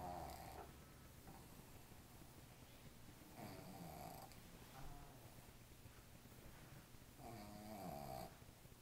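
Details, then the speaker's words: Sleeping dog that snores when petted: low, rumbling snorts repeat with each breath over a steady background hum, loud enough to sound like a person. Snoring. "I just think it's awesome how this dog like snores when you pet it. It's the best."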